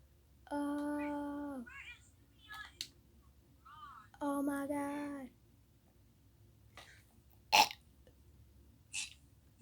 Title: I can't stop burping